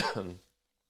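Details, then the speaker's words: Short, voiced cough burst from an adult man with a lingering cough after a recent nasty cold (untested, not known to be COVID), recorded while talking. "man that's not making for a good podcast i i apologize uh coughing like that"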